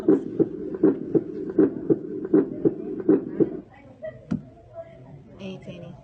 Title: Heart Auscultation Sounds (Skill Lab)